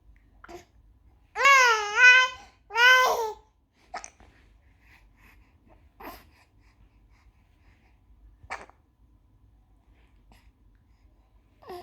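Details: Hiccups in a 2-month-old infant: two brief vocal sounds, then short sharp hiccups about every two seconds in a quiet room.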